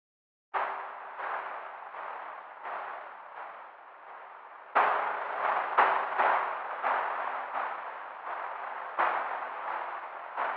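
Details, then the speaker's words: Simulated cochlear implant hearing (Med-El Sonnet 2 listed) three months after surgery, for single-sided deafness: a recorded piano melody rendered as rhythmic, hissy, clanging bursts with almost no pitch change, reproduced using the working ear. "For example, just starting when it comes to music, when it comes to the piano sound, I have a piano sound that I recorded and I hear it through the implant this way."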